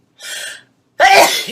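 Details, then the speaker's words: A breathy intake, a brief pause, then one loud forceful sneeze from a woman about 18 weeks pregnant who says she has nose issues that make her sneeze repeatedly. "I hate when I sneeze sorry for my sneezing thing I do have some issues with my nose so when I do start sneezing I sneeze"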